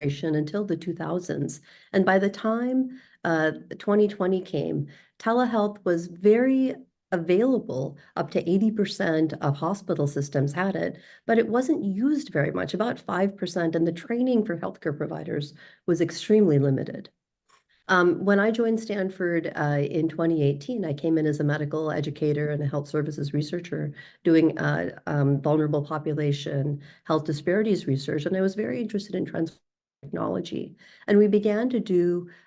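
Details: Adult woman speaking; normal speech.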